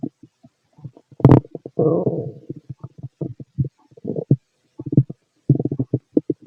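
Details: Stomach growling from a fit male heard through a stethoscope: irregular low gurgles and rumbling, bubbling sounds from the abdomen; bowel sounds.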